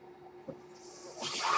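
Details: The speaker's own mechanical ventilator, heard during podcast speech, cycling through a breath.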